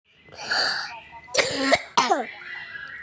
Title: aku lagi batuk